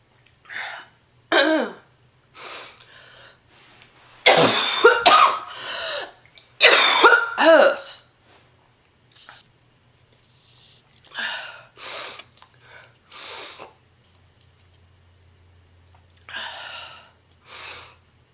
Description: This heavy smoker got really sick and her cough became extremely bad. Non-stop intense, deep and painful coughing fits throughout the whole video